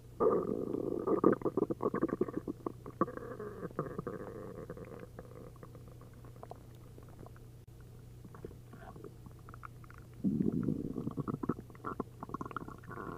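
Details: Upset stomach after drinking a liter of milk and a liter of prune juice: frequent gurgling and bubbling with a quiet pause mid-clip as liquid moves through the gut, giving hyperactive bowel sounds (borborygmi).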